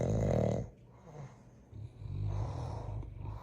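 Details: Sleeping dogs snoring, one of two in a household that includes a giant Mastiff: low, rattling snores with a quieter pause between two loud breaths; ordinary snoring.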